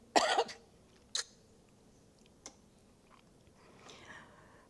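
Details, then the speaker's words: Adult woman speaker with a cold and cough infection: a strong single cough, then a shorter second cough, a small throat click and a soft breath in a quiet room; cough. "नमस्कार आता सध्याच्या fashion प्रमाणे खोकला सर्दी याचा संसर्ग झालेला आहे आणि त्यामुळे"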